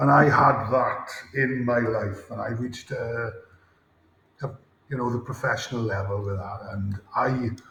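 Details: Adult male former Welsh rugby player with a lifelong, debilitating stammer since about age 5-6, with blocks and more speaking difficulty under pressure; real, not acted; stuttering (stammering).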